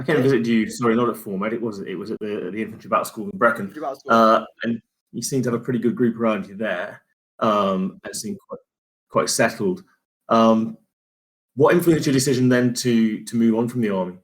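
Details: Adult man, conversational interview; normal speech.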